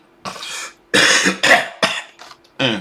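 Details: Productive cough heard amid a talk on vocal health and recovery for singers.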